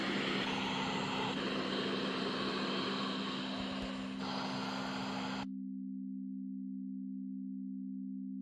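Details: Pre-owned Philips Cough Assist E70 with a cracked front display, tested and working: loud rushing airflow with a steady motor drone, then a low steady hum alone; mechanical insufflator-exsufflator running.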